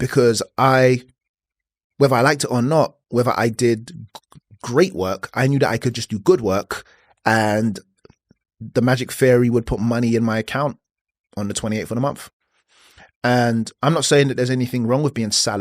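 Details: Adult podcast host who says he has a stutter, speaking English; stuttering.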